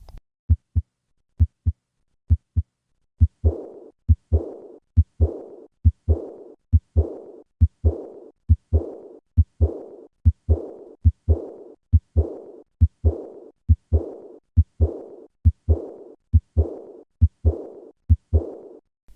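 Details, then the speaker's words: Aortic regurgitation murmur in a teaching demonstration: a high-pitched diastolic murmur (described as "day crescendo") heard best at the third or fourth left intercostal space. "In summary, the murmur of aortic regurgitation is a diastolic day crescendo murmur which is high-pitched in character and heard best in the third or fourth left intercostal space."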